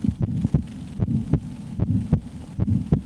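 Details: Two women on a weekend getaway listen to each other's heartbeats through a stethoscope: a steady thumping heartbeat at about 76 beats a minute, a normal resting rate with no skipped beats.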